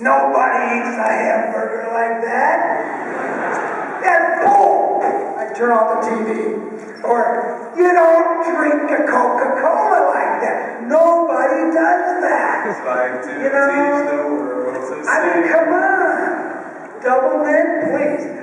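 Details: Adult male with one vocal cord bowed and one paralyzed after a childhood clothesline injury to the neck, present ever since; vocal fold paralysis with breathy, rough voice.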